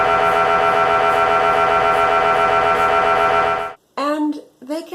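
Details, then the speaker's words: MRI scanner noise as heard inside the machine, described by a patient with chronic illness and MRI claustrophobia; loud steady rapidly pulsing tonal buzz, a brief pause, then shorter rising tones. "for those who are not familiar with the sounds of being in an mi machine they can sound like this and they can sound like this"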